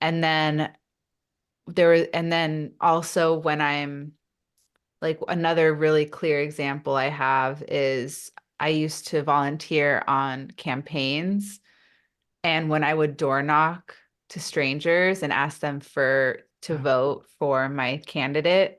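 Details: Adult woman who stutters, a stuttering-awareness advocate, speaking in a real podcast interview; stuttering.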